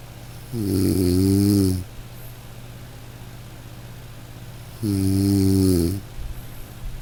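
Two loud, drawn-out rattling snores on inhaling, about four seconds apart, with quiet between them; ordinary snoring.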